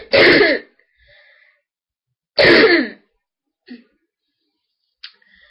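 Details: Two harsh, forceful barking coughs with short breaths after each, from a child with a sore throat and stuffed nose, recorded on a webcam.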